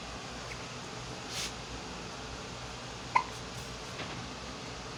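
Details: Infant after a bath with hiccups: one sharp, short hiccup stands out with a couple of fainter ones over steady background hiss.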